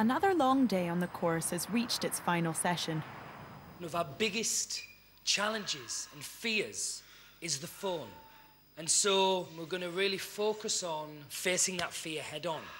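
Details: Adult speaker; no speech disorder.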